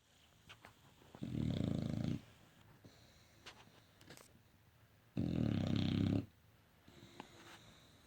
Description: Olde english bulldog snoring